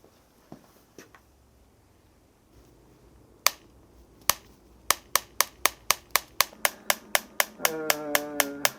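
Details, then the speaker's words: German extracorporeal shockwave therapy device treating the sole of the foot for plantar fasciitis, intensity raised during session: sharp rhythmic clicks about four per second, then a low hum joins. "이게 바로 저희 병원에서 보유하고 있는 독일 사의 충격파 기계입니다"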